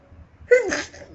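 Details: Young woman sneezing while talking: a single sharp sneeze with an abrupt, explosive onset and a brief voiced tail, in a quiet room; one of repeated sneezes.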